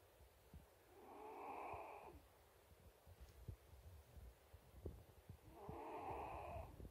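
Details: Snoring during sleep: two slow, soft rasping breaths about four seconds apart, with low rustling in between.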